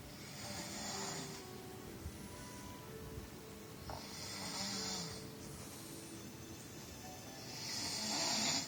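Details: Male snoring: hissing, rattly snores on breaths about every three to four seconds, with music in the background.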